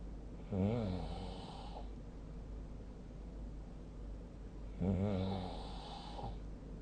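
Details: Person snoring during sleep, recorded with a snoring app: two low, rattling snores about four seconds apart, each lasting about a second, over steady room hum.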